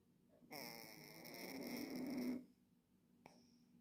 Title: cat is snoring🔊 кот храпит🔊 #shortvideo #mycatchannel #funny #catchannel #yourcat #pets #cat #cats